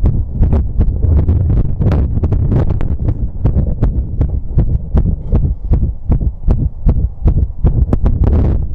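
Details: Visible apical heartbeat with sound, pressed on after exercise outdoors: rapid, strong low thumps at roughly 150 a minute with contact rubbing noise, a fast heartbeat after exercise.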